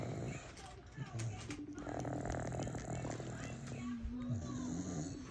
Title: He’s snoring up a storm 💤💤💤🎶 #papa #playingwithpapa ❤️❤️